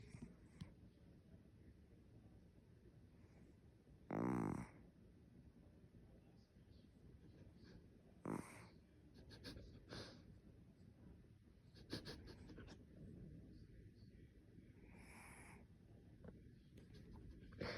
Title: My cat snoring.